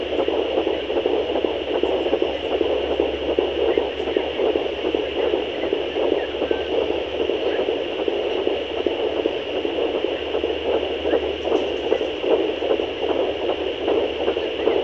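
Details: Fast, rhythmic whooshing fetal heartbeat through steady hiss, picked up by a handheld fetal Doppler at 13 weeks of pregnancy.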